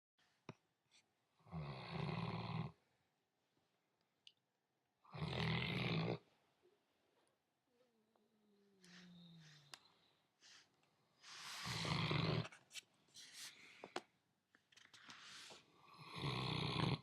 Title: Snoring